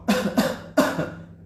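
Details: Three short, sharp, dry-sounding adult coughs in quick succession with a faint low hum behind, shown as an example of dry cough, described as a primary symptom of coronavirus. Dry cough.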